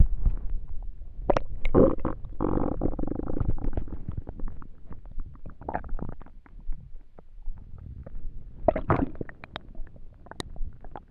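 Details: Stomach rumbling while trying to sleep on an empty stomach: low, irregular gurgling and rumbling with squeaky bubbling pops; normal hunger borborygmi.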